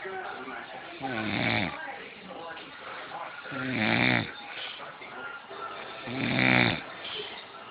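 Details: Three loud, buzzing, rattling snores at a steady pace of about 23 a minute, with quieter breathing between, from an adult man asleep in his favorite chair: ordinary snoring.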